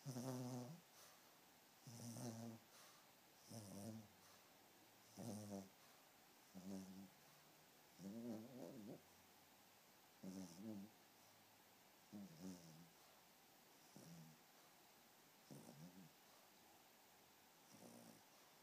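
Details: Pomeranian puppy snoring in sleep: soft, regular, tonal snorting snores about 35 per minute, gradually fading.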